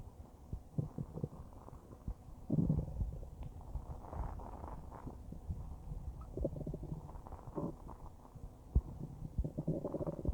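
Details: Normal bowel sounds recorded about a minute after eating a huge bowl of spaghetti: irregular low rumbles and bubbling gurgles, some longer churning bursts and some small soft ones.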